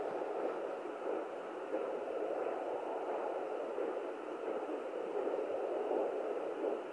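Steady windy whooshing with soft rhythmic swells, the normal placental sound on a fetal doppler.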